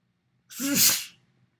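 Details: A single sharp adult sneeze, filmed in a mirror: a brief voiced intake, then a loud hissing burst of air lasting about half a second, then quiet.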